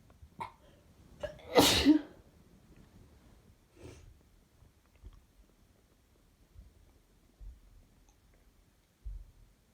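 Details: A loud sneeze after short inhaling catches, then quiet sniffs and breaths, with some belly noises; a sneezing fit.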